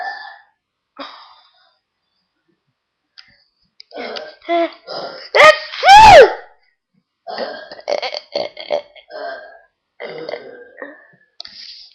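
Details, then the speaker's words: Deliberate funny burps, partly from a brother: several voiced belches, the loudest two in the middle with falling pitch, quieter throaty bursts around them in a small room. "This is my brother burping too. And that was my funny burps."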